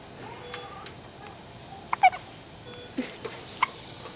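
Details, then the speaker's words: Dueling hiccups from two sources in turn: short, squeaky gulping sounds like a squeak toy over a steady room hum. "all right we have the pilings doing dueling hiccups here alex there we go and colin sounds like a dog with a squeaky toy"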